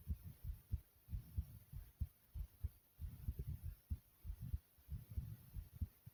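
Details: Strong, low heart thumps at about 95 a minute, a mildly quick rate, in a self-recording right after jumping in place: fast heartbeat after exercise.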